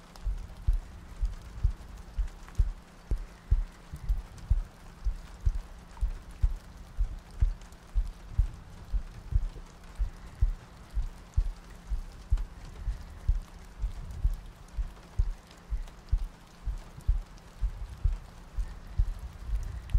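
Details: ASMR sleep-aid loop of soft breathing, heartbeats and rain ambience: soft, steady low thumps at about 62 beats a minute under constant rain noise; regular heartbeat.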